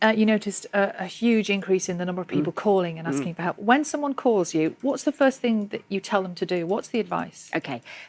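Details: Adult woman speaking; no speech disorder.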